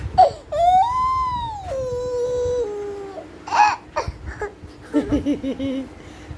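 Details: Child crying: long wailing cries with breaks and sobbing catches, in a small room.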